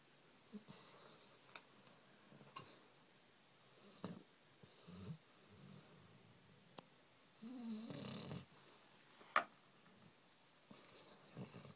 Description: Our puppy Fred snores loudly!!